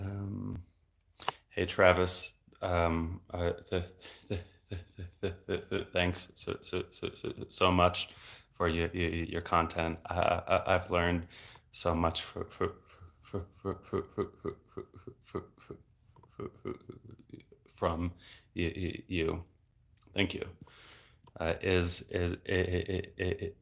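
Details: Adult male speech-language pathologist who has stuttered since about age eight and had speech therapy until his early 20s, reading aloud; word repetitions are heard; stuttering.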